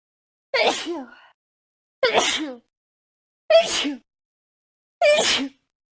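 Four separate sharp sneezes, each a sudden explosive burst of air with voiced release, spaced about a second and a half apart.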